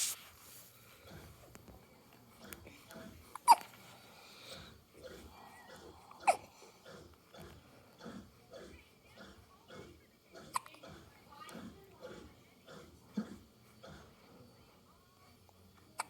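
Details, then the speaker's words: Hiccups in a newborn baby: soft, brief hiccup sounds at an irregular pace of roughly 20 a minute, with faint baby noises and quiet room sounds between them. "parker's like get rid of these hiccups oh parker's your hero yeah that's so sweet niley"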